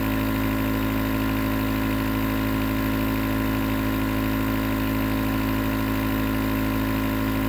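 A steady, unbroken motor hum with a low droning buzz and a constant level throughout: a nebulizer compressor running.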